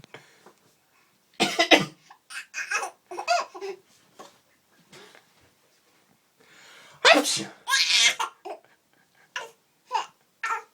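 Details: Adult father coughing and sneezing, with short explosive bursts followed by laughter from his 5-month-old baby.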